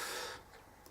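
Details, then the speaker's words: Adult with chesty cough and snuffles after a Cornwall holiday, thought to be allergy to sea air; a brief, noisy nasal sniff or snuffle, then quiet; nasal snuffling. "Oh back to work Tuesday snuffling its Chester you can probably hear me snuffling and stuff"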